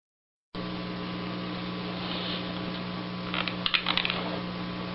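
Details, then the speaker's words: Sleep bruxism: steady electrical hum, then a brief cluster of sharp gritty squeaks and clicks of teeth grinding together at night, attributed to stress; described as very loud, 10–20 times normal chewing force. "Itu bukan suara kecoa ya, bukan suara kecoa, bukan suara tikus. Tapi suara gigi dia beradu. Suara giginya beradu pada saat malam. Oleh karena dia stres."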